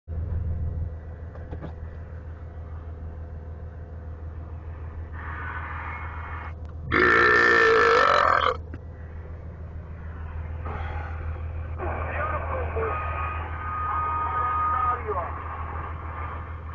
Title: Burping on the CB radio